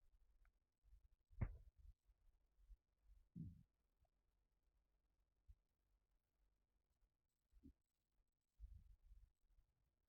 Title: Stomach rumbling when I'm sitting down